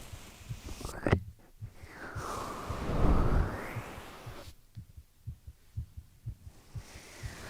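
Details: A long rustling whoosh, then soft, regular low thumps: the heartbeat of a sleeping boyfriend, heard close to the chest.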